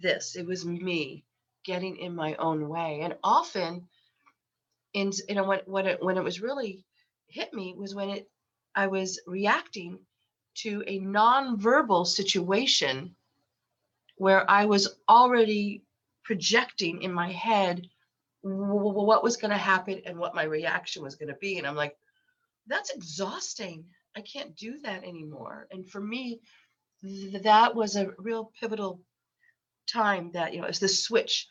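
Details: Adult woman with lifelong stuttering, very repetitious with eye closures, worse when unwell and since COVID; she has a cold during recording; stuttering.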